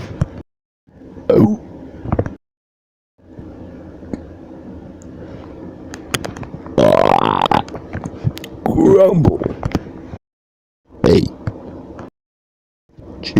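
Several loud, low, rumbling belches with pauses between them, over faint background noise; repeated burping.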